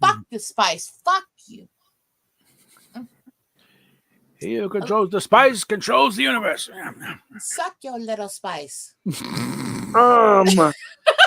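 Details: Male streamer, officially diagnosed with Tourette syndrome, who says bad weather today has made his tics worse: vocal tic outbursts with coprolalia (Tourette syndrome).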